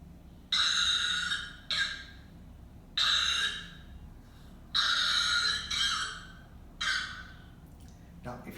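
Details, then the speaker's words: A child's repeated loose coughs with a rattling quality, as if phlegm is in the chest, presented in a paediatric talk as a moist (productive) cough with mucopurulent secretions. "second category is a moist curve the sound of the cuff you can feel as if some additional sound is there as if your chest is rattling there's some phlegm in that phlegm"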